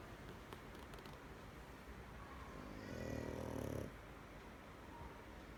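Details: Snoring.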